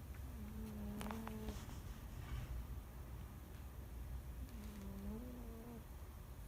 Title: Cat snore